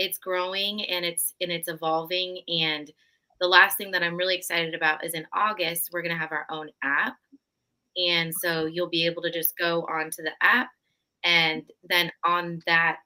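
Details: Adult woman speaking; Normal speech.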